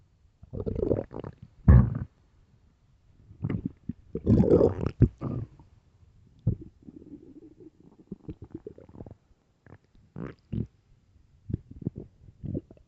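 Loud, deep gurgling and rumbling stomach growls in irregular bursts, typical bowel sounds of an empty stomach.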